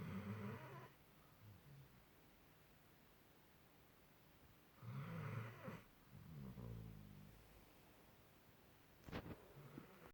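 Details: Loud, human-like rumbling snores from a dog sleeping on a bed, irregularly spaced with quiet gaps and a brief snort near the end; snoring.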